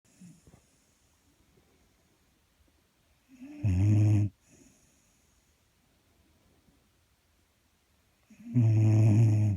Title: Skip snoring